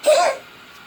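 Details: A single short, sharp cough from a child, slightly voiced and high-pitched, fading quickly into quiet room noise: cough.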